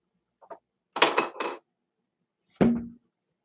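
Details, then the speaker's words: A simulation of autophony in superior canal dehiscence, made by speaking through a tubaloo toy tube: a few brief, hollow, booming vocal sounds, one's own voice loud and distorted like a broken speaker. "So they said this is what it sounds like to have superior canal dehiscence. Um, it's your voice is loud, but it's also distorted. It's like a broken mm-hmm. speaker."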